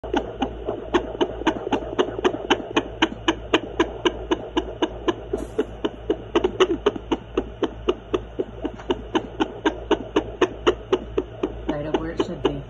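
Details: Great Dane puppy heartbeat: rapid, regular ticking beats at about 230 a minute.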